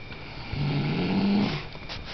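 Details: A woman asleep ("knocked out") snoring: a single low, rumbling snore on the in-breath with a fluttering buzzy tone over quiet room noise; snoring.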